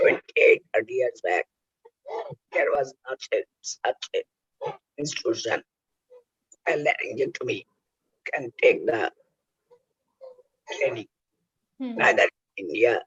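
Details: Oesophageal speech using the injection method by an adult male laryngectomee after total laryngectomy for cancer.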